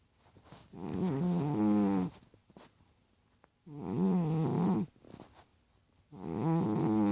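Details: Chubby cat sleeping and snoring: loud, rattling snores on each breath, about 20 breaths a minute, with quiet pauses between.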